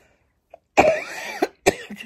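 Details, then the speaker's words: Adult woman in a quiet room: two harsh, voiced coughs, which she attributes to the after-effects of something she leaves unnamed; a cough. "у меня кашель вот такой. Но я все списываю на последствия чего-то."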